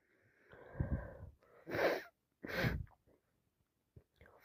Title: so congested sniffing, blowing snezzing , #snotty #achoo #cold #sniffles #snottycold #sniffles